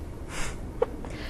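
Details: Teenager with persistent hiccups for 10 weeks, starting after lunch, tiring and hurting the throat, unrelieved by home remedies: repeated frequent hiccups.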